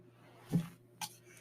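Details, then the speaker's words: Sleeping pet dog snoring in the background of a podcast recording: a single low, rumbling snort and a brief soft click over steady room hum. "And Kai the Wonder Dog, if you can hear her back there snoring."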